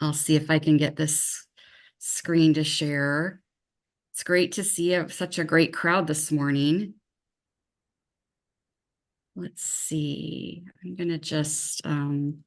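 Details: Adult woman; normal speech.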